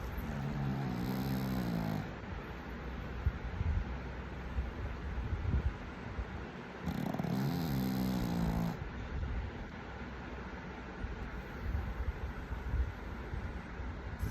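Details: Sleeping pug: two long, rattling, low-pitched snores on inhaling, with quieter noisy breathing between them; snoring from a sleeping flat-faced dog.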